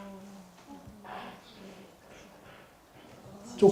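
Faint, buzzy, smeared speech with blurred voice pitch plays for about three seconds, then a live lecturer speaks loudly: a six-channel cochlear implant simulation.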